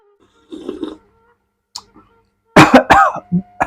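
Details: A few sharp, irregular coughs and throat-clearing with faint voice, from a man coughing at the heat of spicy chili while eating bakso cuanki street food in Indonesia.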